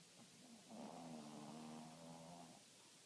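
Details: Snoring from a sleeping dog: a long, low, buzzing snore on one breath with a vibrating, rumbling tone.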